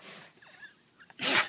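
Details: A dog named Stella during a sneeze attack gives a single sharp, hissing sneeze after a moment of quiet.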